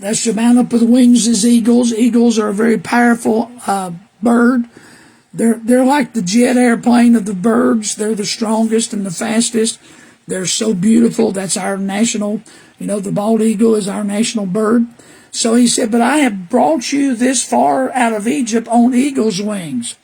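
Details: Dysphonia in an adult man with HPV-related recurrent respiratory papillomatosis since 2010 (after H1N1); papilloma surgeries, one damaging the vocal cords, later a web across their bottom third; years of false vocal fold speech; weak, very high-pitched after cancer treatment; constant coughing, throat rattle.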